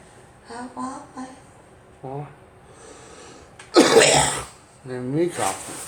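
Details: A girl gives a single loud, harsh cough between short voiced sounds in a quiet room.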